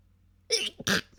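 Two short, hissing, held-back bursts in quick succession, with a small breath between them: a pair of stifled sneezes.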